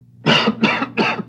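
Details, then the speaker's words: Simulated cough by an adult male actor in a 1972 TV commercial: three quick, harsh coughs in a row, acted as a nasty, tickling cough from a cold that keeps him awake. "got a nasty tickling scratching annoying cough from a cold and you can't sleep if you're coughing"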